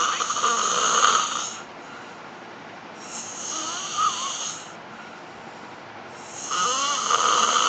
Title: Snoring Beauty Sexy